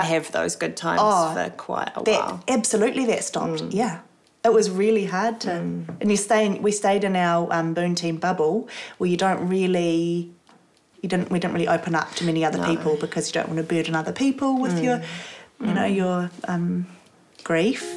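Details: Adult woman speaking; ordinary speech.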